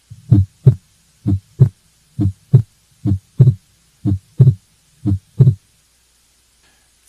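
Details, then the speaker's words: Regular lub-dub heart sounds near 64 a minute; first beats on exhalation with single S2, then S2 splits on inspiration: physiologic splitting, normal heart. "physiologic splitting of the second heart sound is a normal finding seen in patients with Normal Hearts"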